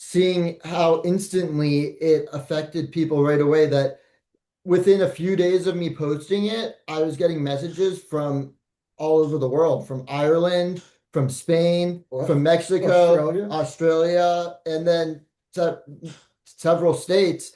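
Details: Adult man; normal speech.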